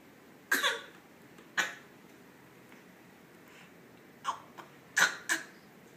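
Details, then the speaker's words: Dog coughing while out walking: about five short, dry, harsh coughs, two spaced apart then a quick cluster, over a quiet background; canine cough. "Are you coughing? Are you okay? Cutie pie."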